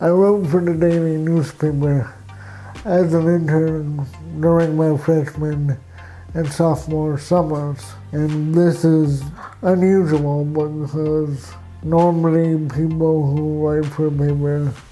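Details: Adult man with cerebral palsy; real patient speech; dysarthric speech (cerebral palsy).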